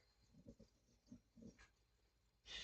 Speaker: You guys hear my dog snoring? Can you hear?